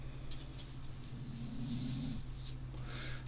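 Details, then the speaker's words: Sleeping dog snoring during a live stream: a low, rough, drawn-out snore with brief snorting sounds over room noise. "Can you hear him snoring? It's not me, honest."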